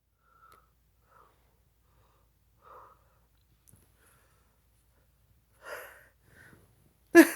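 Soft breathy build-up sounds ending in one sharp sneeze burst in a quiet room.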